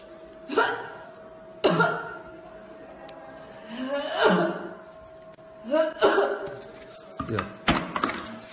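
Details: A woman with COVID-19, filmed by an Iranian doctor, gives short, abrupt coughs, some with a voiced, groaning quality.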